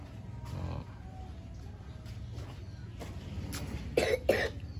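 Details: Child with a cold (cough and runny nose, not yet recovered): softer throat sounds, then two sharp coughs near the end, light room noise; cough.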